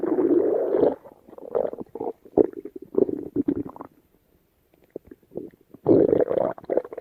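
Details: Loud rolling growls and gurgles come in bursts with brief pauses; stomach rumbling (borborygmi).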